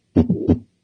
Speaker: okay so this first sound you're going to hear is a systolic ejection murmur meaning it occurs between s1 and s2